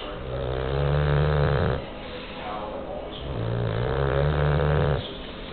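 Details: Bulldog, described as stressed out, snoring: loud, low, rattling snores on both in- and out-breaths, about two cycles in five seconds, noisy flat-faced airway.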